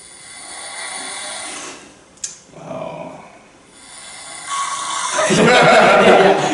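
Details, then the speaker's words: Loud snoring of a sleeping man, recorded by a friend: harsh, rough breaths rising and falling, building to a loud rattling rumble with a deeper extra layer. "やっぱり聞いてもらったら分かるけど、普通の奥に、もう一個、バーそれがやばい。"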